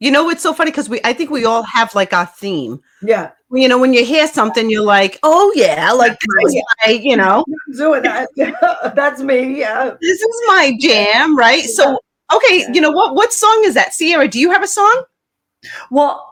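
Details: Adult woman speaking; Normal adult speech.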